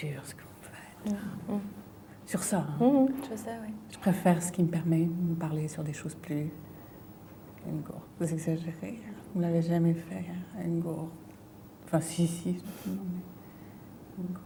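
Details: Female patient with a brain lesion; fluent aphasia with word-finding difficulty, word substitutions and distorted words.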